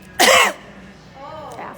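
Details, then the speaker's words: Single loud, voiced, deliberate cough made at close range by an adult woman toward a brain cancer patient in a store, followed by faint voice and room noise. "I think I'll get real close to you and cough"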